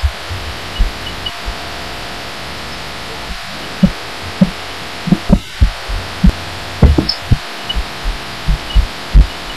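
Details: Own heartbeat recorded through a pillow while lying down, audio amplified; muffled low thumps under hiss, unevenly spaced and bunching closer together toward the end; person wonders if it is arrhythmia.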